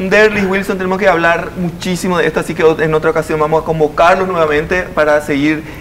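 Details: Adult male speaker; normal speech.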